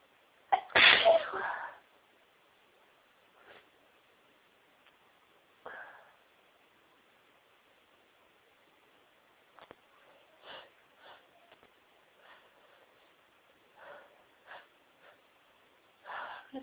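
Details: A woman sneezing repeatedly on a very sneezy day: one loud, explosive sneeze, then a string of smaller stifled and half-stifled sneezes and sniffs.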